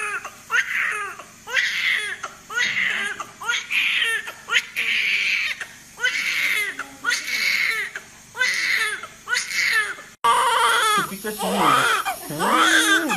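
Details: Newborn baby boy cries right after birth, born about a month early, weighing about 3300 g: repeated strong, regular rhythmic wailing with adult voices nearby.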